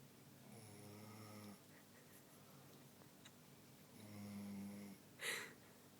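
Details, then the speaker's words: Tired dog (Mocha) snoring after playing on the beach: two slow, buzzing, rattling inhalation snores, each about a second long, then a brief snuffling exhale; snoring. "You're snoring, dog."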